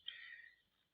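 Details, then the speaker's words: Isa Brown hen in a flock with acute cough, voice returned but cough persisting, given medicated water: single short, high-pitched squeaky cough fading within half a second. "It has managed to get its voice back, but the cough is still there."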